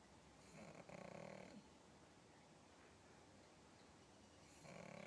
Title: WARNING..! This pug can snore man!! Cute